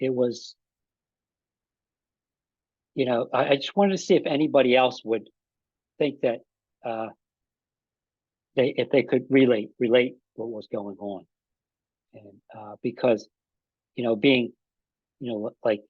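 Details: Aphasia in an adult man about five and a half years after an ischemic stroke that occurred together with a heart attack; ongoing trouble with names and word tenses.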